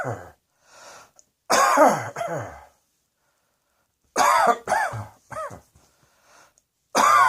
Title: Cross Dressing Coughing 104